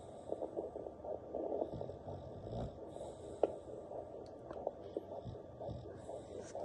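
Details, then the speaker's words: Handheld Doppler resting without pressure on a pregnant dog's belly, litter estimated at four to six puppies: fast, rhythmic whooshing pulses over hiss, a strong puppy heartbeat; fetal heartbeat on Doppler. "That's another place of a puppy. And it's a strong as you can hear it. You can hear the strong heartbeat."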